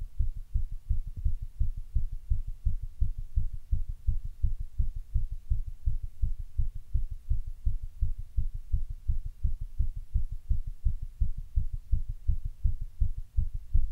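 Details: Fast heartbeat after caffeine and exertion ("pushes"): strong, regular low thumps at a fast pace, roughly 80 or more paired beats a minute.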